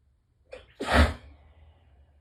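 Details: A single morning allergy sneeze muffled with tissues pressed tightly to the face, short in-breath before it; allergic sneezing.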